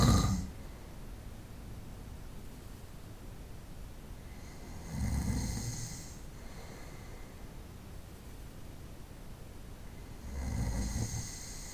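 Slow, rasping snores on each breath, roughly every five seconds, over steady room hiss; snoring during sleep.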